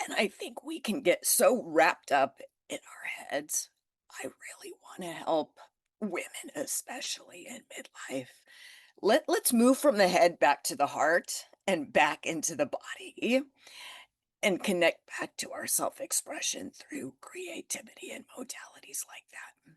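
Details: Adult woman with spasmodic dysphonia that began after stress and illness while building her business. It is still present and being managed naturally, without Botox: spasmodic dysphonia.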